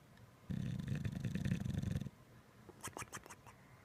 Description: Funny video of Winston the Bulldog snoring while in a deep sleep.